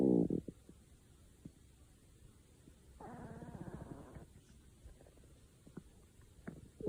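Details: A faint, drawn-out low stomach growl lasting about a second, with quiet gurgles around it and a brief knock at the start.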